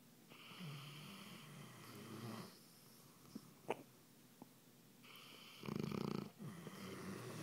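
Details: Two sleepers snoring in sync: two rough, rattling snores a few seconds apart over quiet room noise, with a brief click between.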